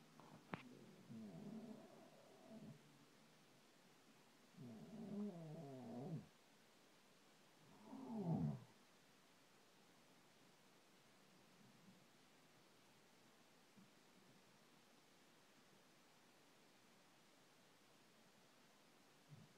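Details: A husband snoring in his sleep, loud enough to keep his wife awake: three low, rattling snores in quick succession, then quiet breathing.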